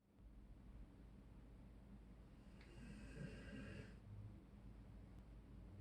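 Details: A dog snoring, sounding like a human snoring.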